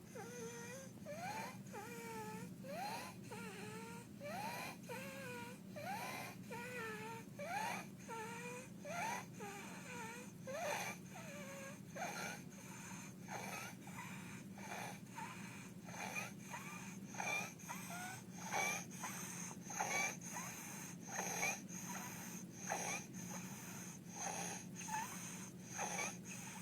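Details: Child with croup: high, harsh, musical inspiratory stridor on each breath, about 44 breaths a minute.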